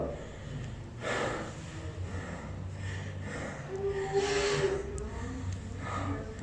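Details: Deep breathing on lung auscultation, stethoscope on chest while patient breathes as if tired: deep, heavy breaths, a normal exam manoeuvre.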